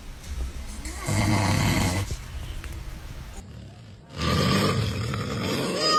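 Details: Father snoring while his baby reacts: loud, deep, rattling snores in two long bursts with a quieter gap between, heavy snoring during sleep.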